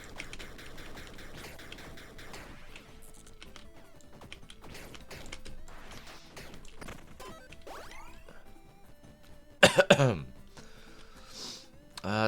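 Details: Adult who says he is sick, coughing while streaming a video game: a short cluster of a few coughs near the end, over game music and sound effects.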